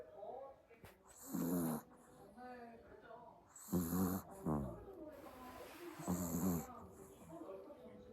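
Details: Sleeping puppy: soft rhythmic snuffling snores, about one every two and a half seconds, with faint room noise; snoring.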